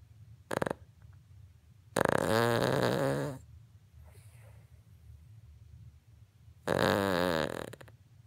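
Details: 3-year-old King Charles Cavalier dog snoring loudly enough that phone callers mistake it for a vacuum or chainsaw: a brief snort, then two long rattling snores about five seconds apart over quiet room noise.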